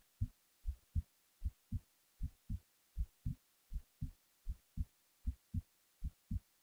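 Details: Resting heartbeat recorded while the person was falling asleep: steady paired low thumps at about 79 beats a minute.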